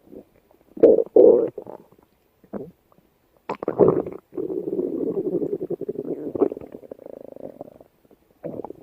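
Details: Long gurgling, rumbling growls with bubbling bursts and a drawn-out rolling tone: ordinary stomach growling, borborygmi.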